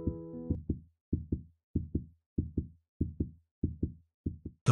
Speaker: Familiar ldub sound of the heartbeat is caused by the rhythmic closing of the heart valves as blood is pumped in and out of the chambers